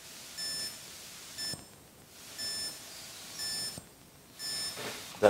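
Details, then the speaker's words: Wellue BP2 Connect blood pressure monitor taking an ECG reading after the small button is pressed: steady high beeps about once a second with faint clicks in a quiet room. "to take the ecg readings you press the small button and i'm going to use one of the methods in which the ecg reading can be taken"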